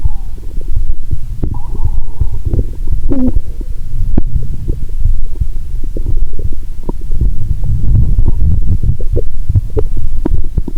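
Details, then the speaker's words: Loud, frequent gurgles and rumbles through a stethoscope over the navel while lying down after drinking cola with Mentos, a loud moan about every 2–3 seconds: active bowel sounds. "About once every 2.30 seconds, you will hear a loud moan👂. My stomach is telling me, "Give me good food, not liquids!"🤔😂."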